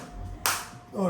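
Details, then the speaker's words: Focused (not radial) shockwave therapy device firing on the operator's own body, not a joint, intensity being raised gradually from 4 to about 8, frequency 90: a single sharp snapping pulse over quiet room hum. "धीरे धीरे धीरे intensity increase हो रही है। बिल्कुल focus shop wave आ रही है।"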